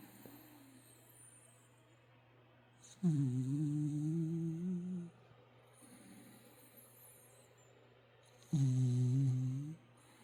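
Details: Two deep, droning snores of about one to two seconds each from a sleeping puppy with its tongue sticking out, separated by quiet pauses, with steady room hum; snoring.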